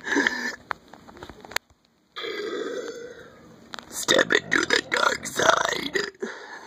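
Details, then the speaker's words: Girl deliberately performing deep, growling 'satanic' burps: several loud, long voluntary belches with short pauses between. "so today I'm going to do what I like to call my satanic burps you'll see what I mean get ready again you"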